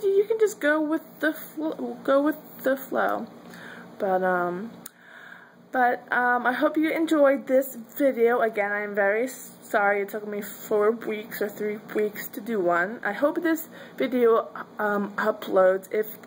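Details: Adult woman who says she stutters; stuttering.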